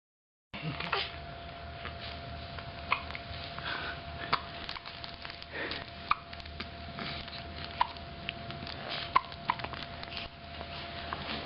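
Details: Described as duelling hiccups: sharp, brief catching sounds recurring at irregular intervals, about six in ten seconds, over quiet room noise; hiccups.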